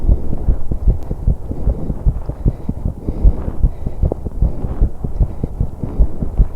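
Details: Fast heartbeat of a 21-year-old woman pedalling an exercise bike: rapid, regular low thumps under heavy breathing noise. The recording method was chosen to capture breathing, so it is noisy.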